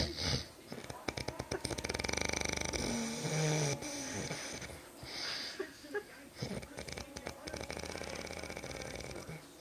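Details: Loud, harsh, rattling snoring with a coarse buzzing vibration on each breath, like a chainsaw, from a husband asleep in a quiet room.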